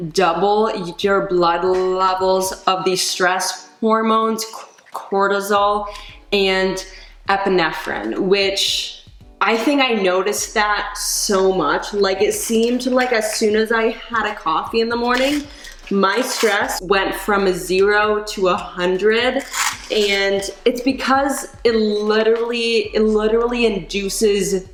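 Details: Adult woman who stutters; she says caffeine worsens her anxiety and stutter, recently gave up coffee but still drinks tea and decaf; stuttering.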